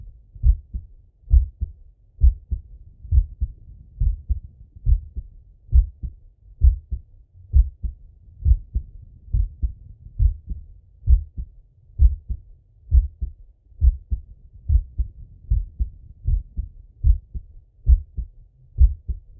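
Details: Male, heard through a stethoscope during breathing-and-heartbeat auscultation: steady, regular low thumps at about 67 beats per minute, normal heart sounds.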